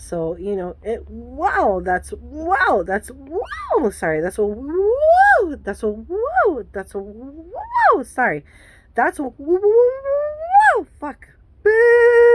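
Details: Adult woman with Tourette syndrome; a burst of repeated vocal tics and an expletive break up her sentence. Vocal tics with coprolalia.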